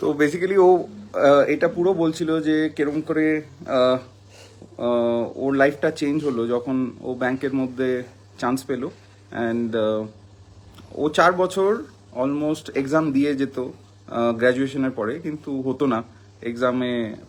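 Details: Adult man; typical speech.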